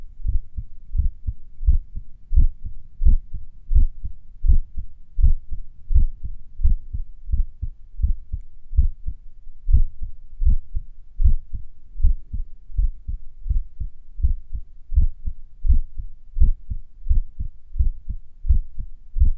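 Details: Heart sounds recorded a few minutes after finishing morning exercises: low thumps near 80 a minute that speed and slow with uneven gaps and pauses between beats, sinus arrhythmia during recovery.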